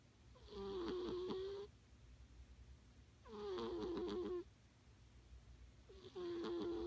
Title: Cat snoring...